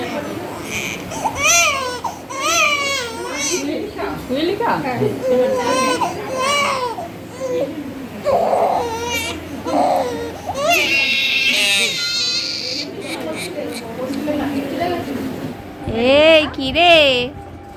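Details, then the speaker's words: A 3-month-old baby girl cries in repeated loud, wavering bursts after her third vaccine dose (due at 2.5 months), the leg injections described as more painful than the arm one; adults talk quietly nearby. "কিন্তু পায়ে যে দুটো এখন দেবে সেই দুটো বেশি painful যেটাতে সোনা খুবই কষ্ট"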